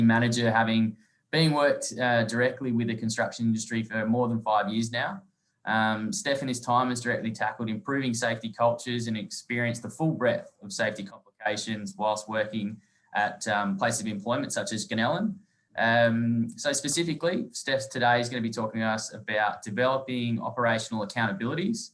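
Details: Adult male speaker; normal voice.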